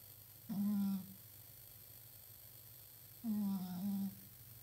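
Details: A sleeping cat makes two low, buzzing, humming breath sounds a few seconds apart. Cat snoring during sleep.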